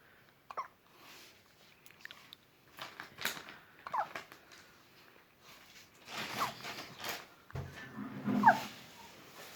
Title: Hiccups in Newborn